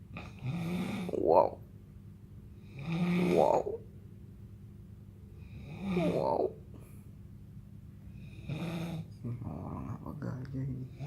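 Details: Ordinary snoring: four rattling snores, one with each in-breath, about every 2.5 seconds, roughly 22 breaths a minute.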